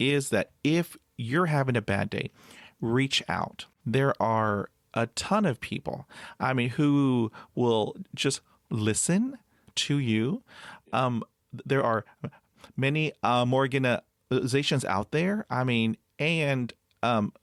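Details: Overt stuttering with blocks in an adult man who still stutters even when alone, after about 20 years of speech therapy.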